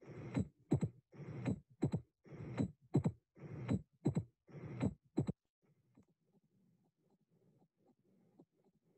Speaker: the high pitched opening snap of mitral stenosis occurs after a very short interval after the second heart sound the opening snap os of the stenotic mitral valve is a distinct crisp extra sound